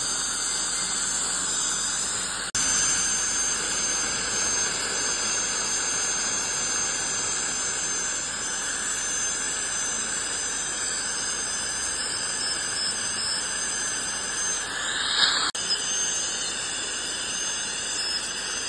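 Continuous high hiss and whine of dental instruments, an ultrasonic scaler and air-polisher spray, during a routine teeth cleaning.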